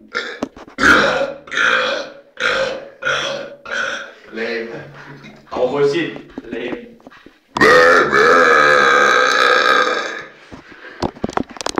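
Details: A run of loud, rough belches, several short ones and then one long drawn-out burp; ongoing burping.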